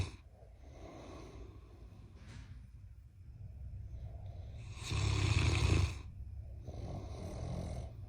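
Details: A giant Mastiff puppy and a husband snore loudly together while asleep, giving deep, rumbling snores with a loud snorting burst midway.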